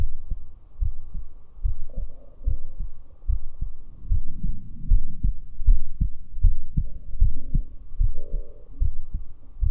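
Regular low heart thumps at about 78 beats a minute, heard through a stethoscope over a valve listening area; normal heart sounds.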